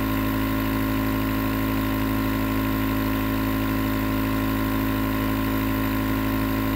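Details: Nebulizer compressor recorded as 20 minutes of sleep white noise: steady, unbroken mechanical hum with a constant hiss as the nebulizer runs continuously.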